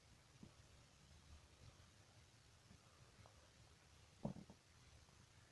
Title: Strange stomach noises